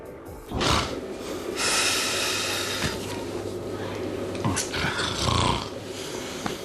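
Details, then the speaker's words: Loud, harsh, rattling inhaled noises with a low droning vibration, typical of heavy snoring; faint room noise underneath. "Los ronquidos son uno de los principales males de la pareja, es una sonora realidad. Y si no pegamos ojos por ese ronquido que suena, y peor aún, por la angustia que nos provoca pensar en el que llegará después."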